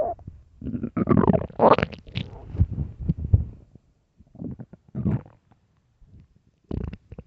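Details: Loud, deep gurgling and rumbling stomach growls from an empty stomach in several bursts with pauses; borborygmi.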